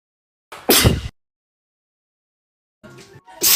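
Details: Woman sneezing indoors, attributing it to pollen allergy and saying she may have a fever: two loud, wet sneezes, each with a short in-breath first, separated by a pause.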